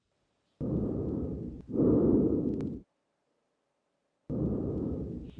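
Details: Breath sounds on repeat lung auscultation (simulated).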